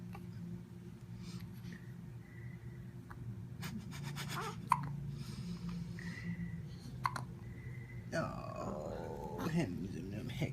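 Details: A newborn born one day earlier has hiccups after eating, plus a small sneeze: small, abrupt hiccup sounds over soft adult voices and a low room hum.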